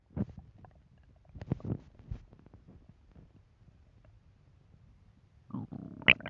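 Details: Hungry stomach rumbling: irregular low gurgling and bubbling sounds, ending with a brief higher-pitched burst.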